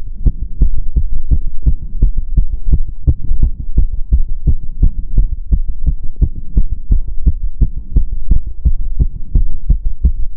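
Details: Own heart sounds during step-up exercise: rapid steady thumps over low rumble, about 170 per minute; exercise tachycardia.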